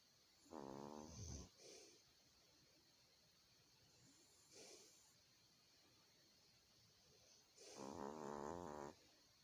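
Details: Low rattling snores over a few sleeping breaths, with quieter snorts between them: snoring.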